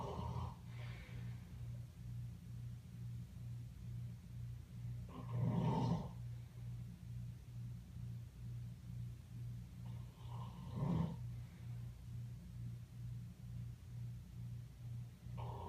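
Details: An animal of unstated species, asleep, snoring: low rumbling breathing with louder snorting snores about every five seconds.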